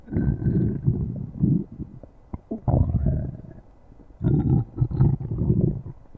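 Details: Three low, rumbling, gurgling bursts separated by quiet gaps: stomach growling (borborygmi) from gas and fluid moving through the gut.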